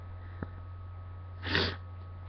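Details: A quick sniff and then one sharp, explosive sneeze, induced with Q-tips by a person already congested on waking, in a quiet room with a steady low hum.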